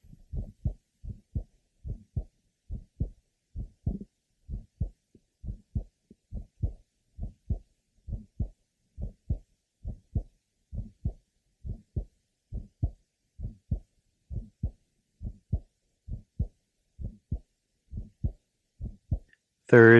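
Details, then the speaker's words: Asymptomatic 15-year-old girl with a congenital bicuspid aortic valve, lower left sternal border: early systolic ejection sound and a grade 3 somewhat musical systolic murmur. "note the early systolic ejection sound and a Grade Three somewhat musical systolic merma"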